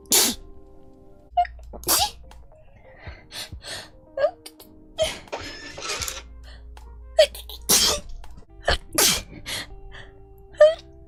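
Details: Girl sneezing: a run of sharp, hissing sneeze bursts, about eight in eleven seconds, some with a short voiced squeak; repeated sneezing.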